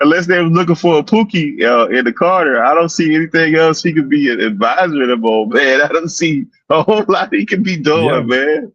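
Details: Adult male speaker; no speech disorder.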